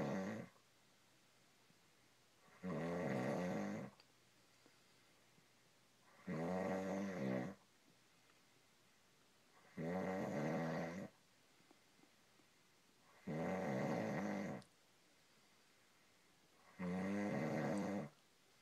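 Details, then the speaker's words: Regular loud rattling snores, about 17 a minute with quiet gaps, from a sleeping adult man (husband); snoring. "This is my husband snoring."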